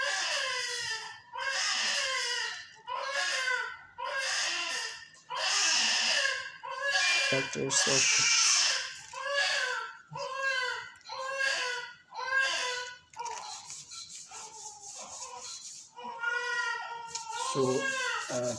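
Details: 22-week extremely preterm, low-birth-weight baby boy on first NICU day, in incubator during handling and massage, sepsis mentioned: repeated high-pitched cries in short bursts of about a second with brief gaps, some strained and shrill; preterm infant cry.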